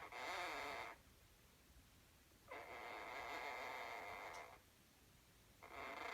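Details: Pet conure (parrot) snoring while snoozing.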